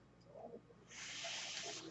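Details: Real recording of a podcaster's own mechanical ventilator audible while he talks: a quiet pause, then a steady airy hiss of air delivered by the ventilator during a breath.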